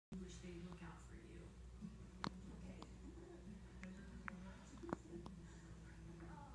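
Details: A child's hiccups: two or three brief, sharp catching sounds a couple of seconds apart over steady room hum.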